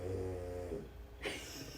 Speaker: speaking of dogs can you hear piggy snoring there she is